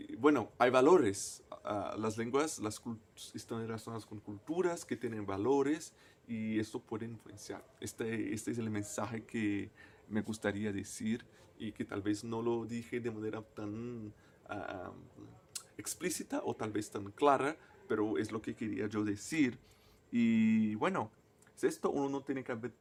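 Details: Person who stutters, a native Portuguese speaker speaking Spanish as a foreign language, with word and phrase repetitions; stuttering.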